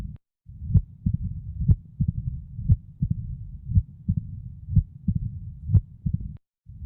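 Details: Woman's heart sounds at first presentation, diagnosis later revealed by echocardiogram: loud snapping first heart sounds, an extra sharp sound near the second and a low diastolic rumble, from mitral stenosis.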